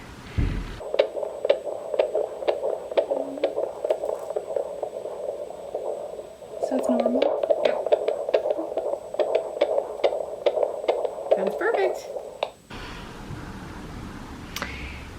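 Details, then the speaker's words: Doppler fetal heartbeat at 28 weeks of first pregnancy, routine OB visit, fetus lying sideways: rapid, regular whooshing about 140 beats a minute, within the normal range. "um and we got to hear the heartbeat"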